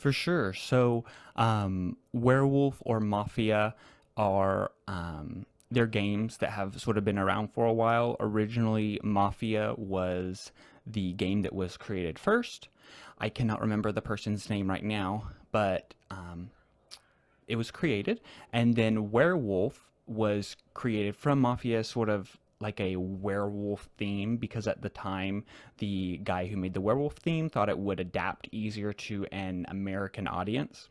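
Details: Real conversational speech from a man who stutters, a returning guest describing a social strategy game; repetitions are audible; stuttering.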